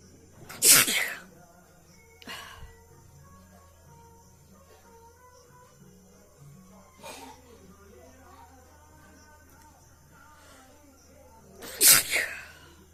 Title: Nose blowing sneezing challenge.part4